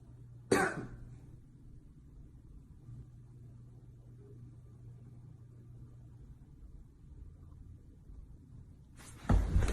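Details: Acted cough: two sharp, harsh cough bursts, one near the start and one at the end, separated by quiet room noise; the cougher then claims it was a tickle.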